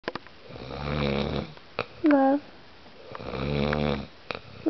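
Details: Adult man asleep, snoring: two long, rough, fluttering inspiratory snores separated by a short vocal squeak and clicks.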